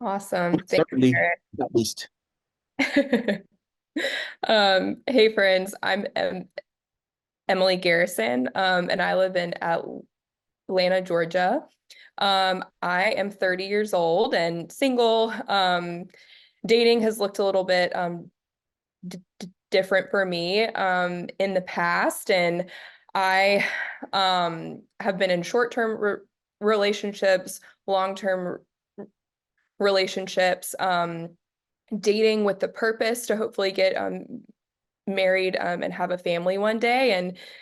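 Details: 30-year-old woman who stutters, introducing herself on a stuttering and dating panel; stuttering.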